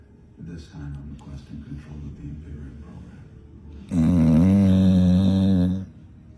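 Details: Female dog snoring while asleep and dreaming: low murmuring breaths, then a loud, drawn-out, buzzing snore lasting about two seconds.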